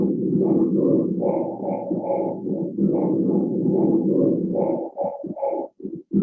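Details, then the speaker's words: Simulated chest auscultation on a training manikin: the spoken "99" comes through loud and distinct, an increased, clear transmission of the voice, i.e. pectoriloquy. "No dice 33, dice 99, 99, que se escucha bien, bien nítido. ¿Cómo se llama cuando está aumentada la transmisión de la voz? ¿Se escucha nítido? Pectoriloquia."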